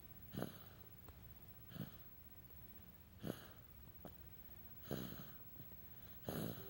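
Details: Sleeping infant snoring: soft, snorty noises repeating about 40 times a minute.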